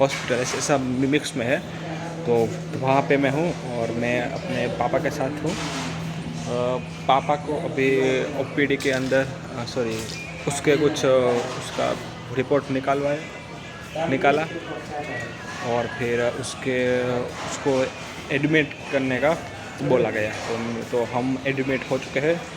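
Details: Stuttering in an adult man on day 65 of a self-directed stammering-control programme of breathing, slow counting and reading-aloud exercises, speaking in a public hospital.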